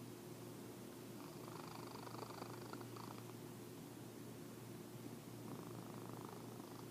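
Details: Fat orange tabby cat resting: steady low rumbling purr with soft rises on the breaths, under background hum; described as snoring/purring.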